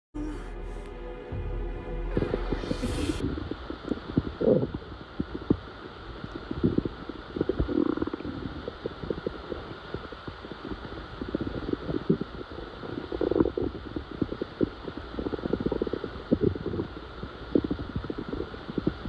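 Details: Loud stomach growl: long, low gurgling and rumbling with bubbly pops, normal gut sounds.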